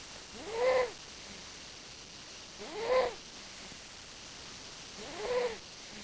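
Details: Sleeping cat snoring: three rhythmic, squeaky, tonal breath sounds, roughly 26 a minute, against quiet room noise.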